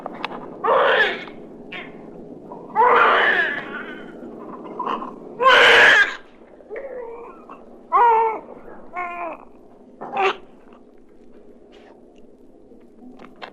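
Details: Newborn's first cry, from a 1967 recording of babies' sounds for expectant and new parents.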